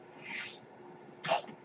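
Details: Two airy hissing rushes with no speech, a longer soft one then a brief sharper puff: a breath delivered by the speaker's home mechanical ventilator during a podcast recording.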